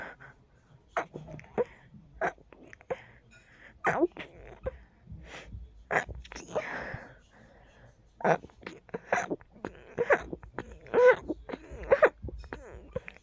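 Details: Stifled sneezing, deliberately kept as quiet as possible and held in only briefly: several short, muffled bursts with breathy catches.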